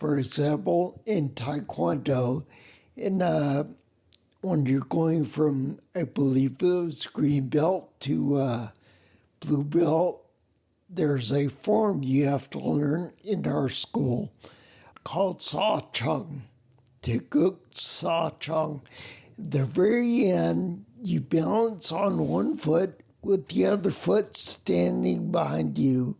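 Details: Adult man with spinocerebellar ataxia, a rare neuromuscular disease with mobility challenges and noise-induced anxiety; slurred words that sound drunk, unclear on the phone; ataxic dysarthria.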